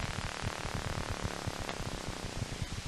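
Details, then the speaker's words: Needle EMG: fibrillations becoming positive sharp waves, continuous crackling that waxes and wanes in loudness and pitch as frequency and amplitude vary; myotonic discharges. "So if you notice, the volume was getting softer and louder, and the pitch was getting higher and lower. And that is what is consistent with myotonic discharges."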